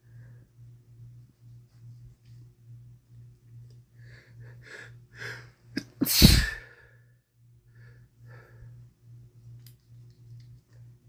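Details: Man sneezing with a common cold, recorded during a week-long cold; sniffs and catching breaths build to one forceful sneeze over a steady low room hum. He remarks on sneezing several in a row.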